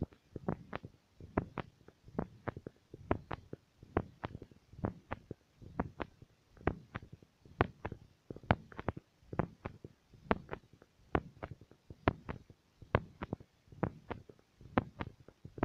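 Steady paired thumps through a stethoscope at about 67 beats a minute, a regular heartbeat.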